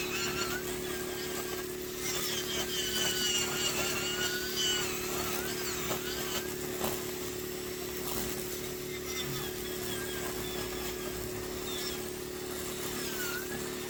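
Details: Male patient with a very involuted ingrown toenail and nail bed damage that receded after years of overcutting: continuous high whirring of a podiatry rotary nail drill, its pitch shifting as it grinds, cuts back and smooths the toenail, over a steady hum.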